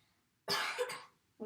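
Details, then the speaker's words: Huff cough (forced expiration technique) taught to a 9-year-old boy with cystic fibrosis: one long, open-mouthed, breathy forced exhalation, controlled to move airway mucus up to the larger airways for coughing out. "this is also called force expiration technique but the huff cough is controlled lengths to con to move the mucus that you have in your airway up to the larger airways"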